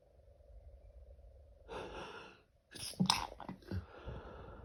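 A sharp inward gasp followed by an explosive sneeze, then a second burst and snuffly breaths: a sneezing fit.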